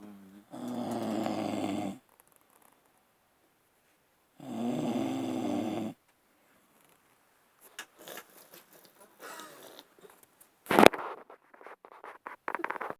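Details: Two loud, buzzing snores followed by faint rustling and clicks from a person at a campsite; typical snoring.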